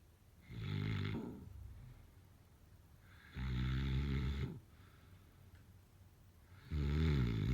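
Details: Three loud, low, rumbling snores on the in-breaths, about 20 a minute, with quiet breathing between them: snoring during sleep.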